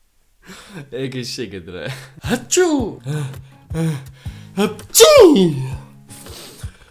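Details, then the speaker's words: Deliberately faked, exaggerated sneezes demonstrating how people in different countries sneeze: several voiced sneezes in a row, each a sharp inhaled build-up and then a burst. "well that was a lot of fake sneezing at once huh yeah cringey level"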